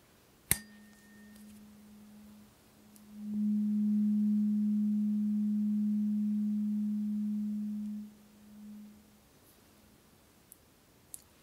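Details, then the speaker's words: Struck low-frequency tuning fork, one of eight, played to one ear then the other in an ASMR role-play frequency hearing test: a sharp strike, then a steady low pure tone fading over several seconds in a quiet room. "okay so I have eight here we're going to start with the lowest frequency I'll strike the tuning fork play it to one ear and then again plate to the other"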